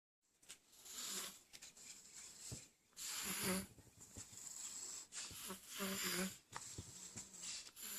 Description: My 1 year old baby snoring very loudly!